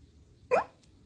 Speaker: That was a hiccup.